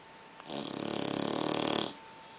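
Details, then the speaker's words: Sleeping Pitbull snoring: a single long, loud, fluttering rattle on one breath with fast vibration throughout, a typical snore. "Sissy, you're snoring. Sissy."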